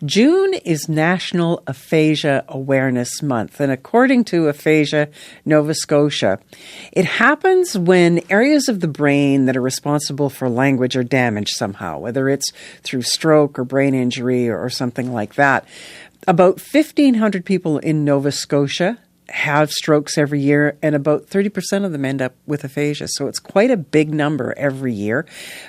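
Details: Adult speaker; ordinary fluent speech.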